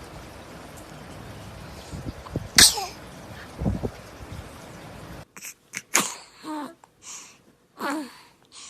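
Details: Sharp little sneezes from a baby over room noise: ordinary infant sneezing.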